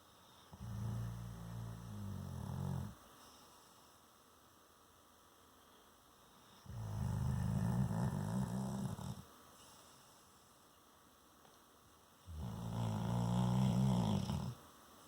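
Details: Airedale dog snoring: three long, low rumbling snores about five seconds apart, steady and regular, on each breath in.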